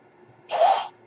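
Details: A single soft, airy whoosh of about half a second over quiet room noise, the breath delivered by the speaker's own home ventilator during a podcast recording: a mechanical ventilator breath.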